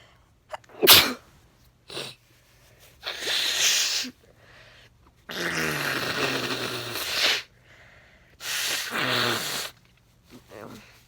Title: Allergy sneezes in weird lighting